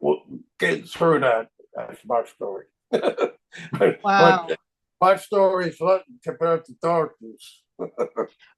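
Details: Aphasia in a man 25 years after a stroke; real speech.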